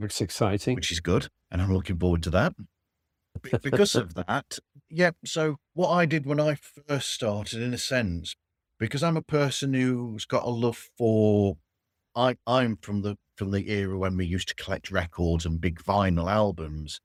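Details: Adult man speaking; typical speech.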